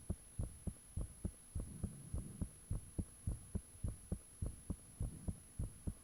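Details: Self-recorded own heartbeat with fan off, taken shortly after heart began feeling unusually thumpy; steady low thumping about 100 beats a minute over faint steady hum. Heartbeat.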